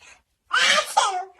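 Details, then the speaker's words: Adult man (a dad) sneezing loudly to make a baby giggle: a single loud, explosive sneeze burst after a brief pause, with a short voiced tail. "Woah, that came OUT OF YOU. THAT WAS HUGE. ACHOO!"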